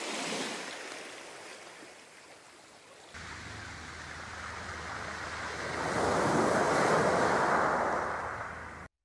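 Steady rushing ocean surf that changes character partway through and swells louder, then cuts off; a nature-sound masking option from a hearing aid for tinnitus relief.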